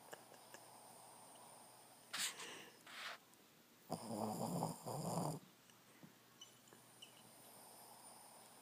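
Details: Sleeping dog: a few soft snorting, rattling breaths against a quiet room; snoring.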